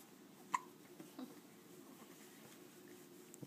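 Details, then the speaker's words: A single sharp, quick click-like hiccup from a small animal that had just eaten, with fainter catches after, in a quiet room. "little guy just ate a little bit hey oh and he seems to be getting hiccups huh you got the hiccups yeah huh you got the hiccup not"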